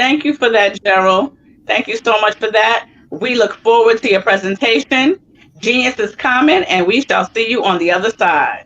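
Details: Adult woman speaking; normal fluent speech.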